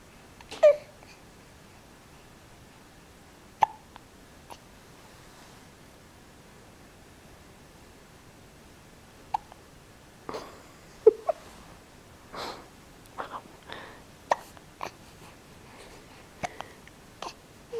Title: his bee and hiccups